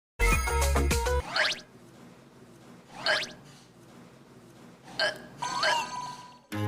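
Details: Hiccups from a singer of Red Velvet: brief music, then four short, sharp voiced gulps a second or two apart, each with a quick squeaky pitch jump.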